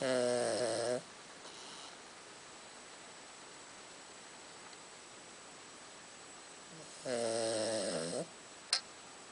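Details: Snoring during sleep from a pet recently shaved for summer and wearing a jumper: two long, buzzing, rattly breath sounds about six seconds apart, with quiet between them.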